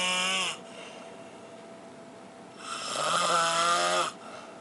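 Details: Snoring in the dark: two loud, buzzing, tonal snores on breathing in with a quiet pause between them; ordinary snoring.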